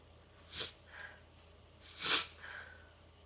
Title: amateur sneezes ;)